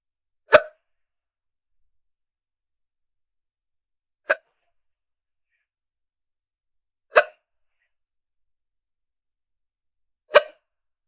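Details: Young woman with hiccups: four short, sharp hiccups about three seconds apart in a quiet setting.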